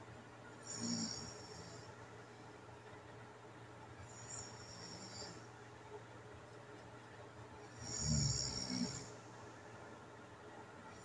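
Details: Adult's snoring with obstructive sleep apnea, self-recorded overnight: irregular, rough snoring bursts separated by quiet stretches.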